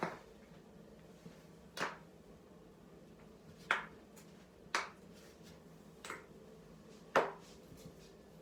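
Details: Five sharp, brief pops at irregular intervals in a quiet room: neck joint cracking after playing a game.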